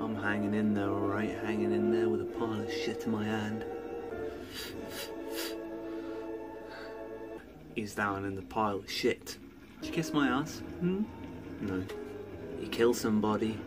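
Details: Adult male speaker; Vocal tics with coprolalia (Tourette syndrome).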